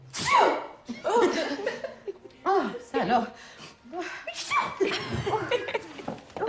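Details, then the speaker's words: Simulated sneezing fit by an actress playing a French teacher in a TV series: several sharp sneezes in quick succession with laughter between them. "are you going to be all right oh i hope so never have i sneezed so much before"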